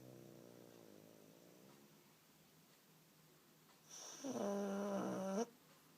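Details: Pug (flat-faced dog) sleeping after a long walk: soft fluttering breaths, then louder tonal whistling snore; snoring.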